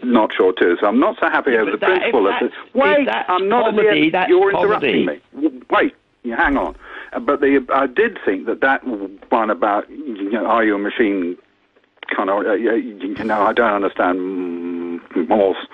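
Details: Adult man who has lived with a stammer for sixty years; stammering.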